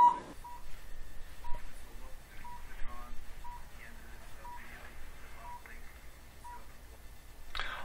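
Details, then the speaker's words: Low-level laser therapy device on the foot for plantar fasciitis: short, even beeps about once a second over quiet room noise, signaling that the laser is on during treatment. "see that flashing light so laser works we're ready to start beautiful thing about this technique is you hear the machine beeping you know it's on"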